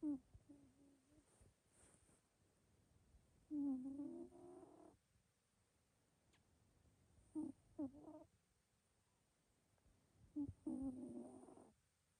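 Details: Fairly loud, soft rumbling purr-like snores from a sleeping Scottish Fold cat, about 3½ years old (turning 4 in July 2025): three breath sounds over twelve seconds; harmless sleep snoring.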